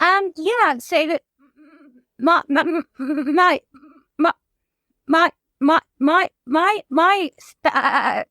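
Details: Adult woman whose childhood stammer recurred after her mother's suicide and six months alone in lockdown; she reports blocks; stuttering.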